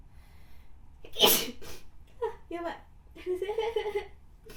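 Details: An adult woman sneezing repeatedly while applying makeup: one sharp, forceful sneeze with a breathy trailing rush, then short voiced murmurs; sneezing.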